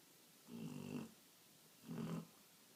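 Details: Sleeping dog snoring: two low, rattling snores in quiet surroundings; loud dog snoring.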